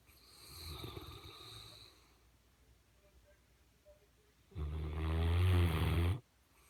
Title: Snoring Mastiff 3